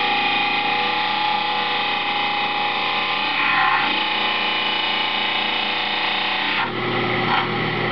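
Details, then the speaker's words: Stone lower dental model pressed with even thumb pressure against a water-cooled spinning model trimmer wheel to grind its base: steady gritty grinding with a constant motor tone. "You'll see it's starting to grind off the bottom of the model very evenly and uniformly. The more pressure you apply, the quicker it will grind off."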